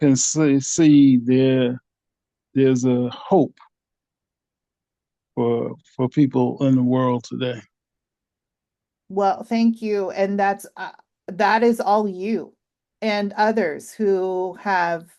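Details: 67-year-old man with aphasia for 9 years after two strokes (January 2015, March 2016); he was unable to speak at first and had speech therapy; he repeats "a, a" while searching for a word; aphasia.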